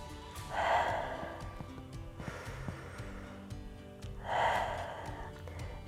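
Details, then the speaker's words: Two slow, audible breaths about four seconds apart, tummy pushed out on inhalation, upper chest relaxed: diaphragmatic (belly) breathing demonstration for productive cough. "so I'm going to show you now how to breathe through your belly so you breathe through your when you breathe in you push your tummy out"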